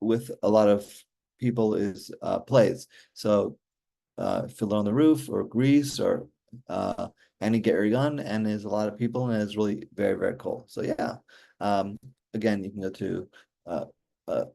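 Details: Aphasia in an adult man after a stroke during surgery in 2007 for hereditary mitral valve prolapse; he says communicating is still hard.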